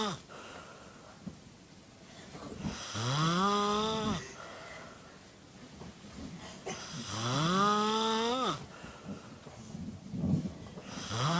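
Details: A friend sleeping gives slow snores, about fifteen a minute, each a rising, whistling, almost sung tone over faint room noise, presented as funny: unusual snoring.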